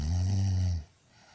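A single deep, buzzing, low-pitched breath lasting under a second, then quiet; a snore.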